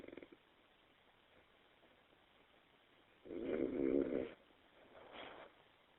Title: Me Snoring